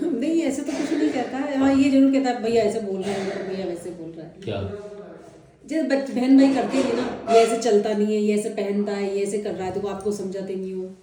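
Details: Adult woman speaking Hindi; ordinary speech.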